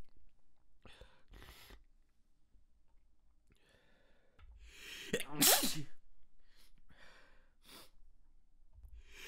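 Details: Stifled sneezes in quick succession, the tickle too strong to hold back, building into a loud burst of rapid sneezes, a sneezing fit.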